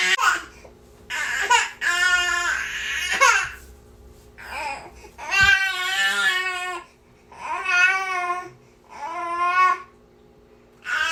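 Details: Infant (a niece) crying nonstop: repeated wailing bursts with short breaths between them, in a small room; infant crying.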